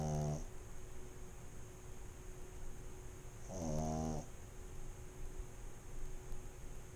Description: AMSR sound of my pug snoring